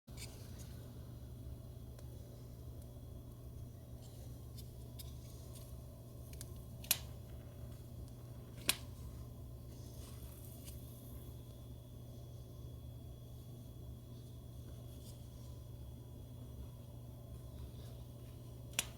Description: The is a lumbar spinal model demonstrating the cracking phenomenon associated with facet joint gapping.